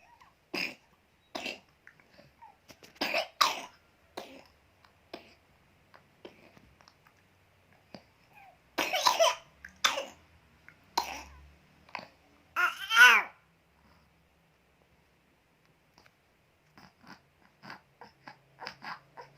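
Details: Infant coughing: several short, soft coughs, some in quick pairs, with brief fussy vocal sounds between.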